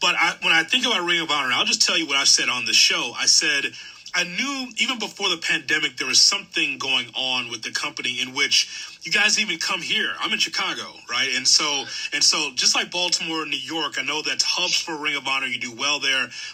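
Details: Adult man; normal speech.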